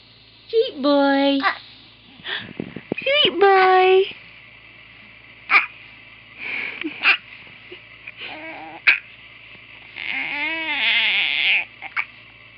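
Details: Infant boy with hiccups: short, sharp, jerky bursts every second or two between fussy vocal sounds.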